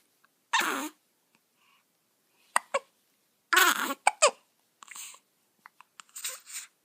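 Short, abrupt catches of breath with small squeaky voiced sounds, repeating every second or two: newborn hiccups.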